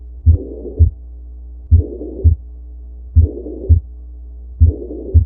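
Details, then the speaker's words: Heart auscultation playback slowed down: S1 and S2 with a blowing murmur filling the gap between them, a systolic murmur. "now you'll realize that you actually hear S1 and S2 and then in the middle you kind of have all this stuff or this this blowing sound so what can we say from that well we know that syy is between S1 and S2 so this is a systolic murmur"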